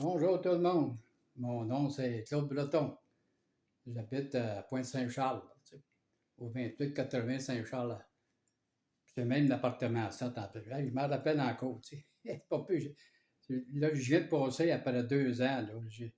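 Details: Man speaking French about two years after onset of aphasia; aphasia.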